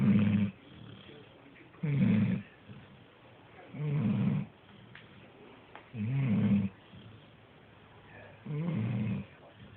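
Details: Sleeping dog, Marvin, snoring since he was a puppy that fit in a palm: steady, low rumbling snores, one per breath at about 30 a minute, with quiet pauses; snoring.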